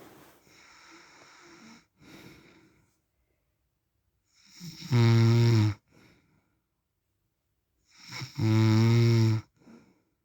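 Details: An adult man's snoring during sleep (husband per description, dad per title), recorded over 10 minutes: loud, deep, rumbling snores on each inhalation, with quiet exhalations between them.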